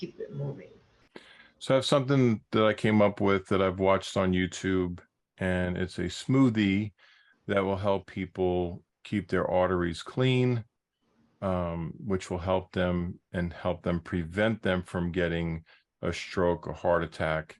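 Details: Adult speaker; normal speech.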